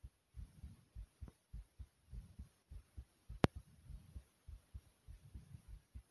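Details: Fast heartbeat after jumping in place for a few minutes to make the heart race: quick, strong low thumps at roughly 100–110 beats a minute with one brief click; tachycardia after exercise.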